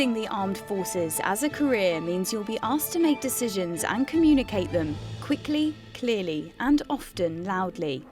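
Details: Adult narrator; fluent speech.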